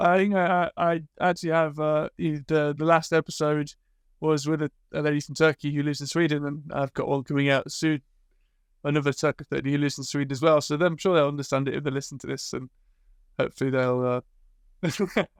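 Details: Adult male speaker; typical speech.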